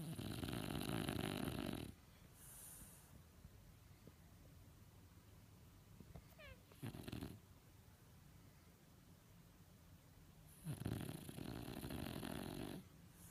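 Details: Sleeper at home gives loud, rumbling snores with long quiet pauses between them, recorded indoors in June 2017; snoring.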